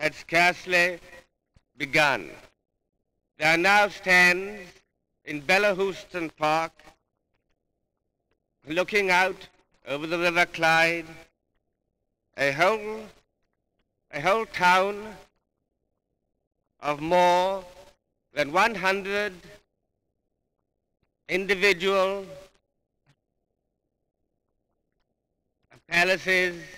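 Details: A king, who stuttered from a young age and had speech therapy, giving a public speech in 1938; stuttering.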